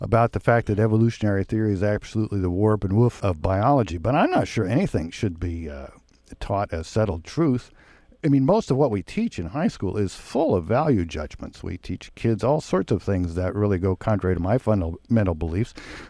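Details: Adult man speaking; Typical speech.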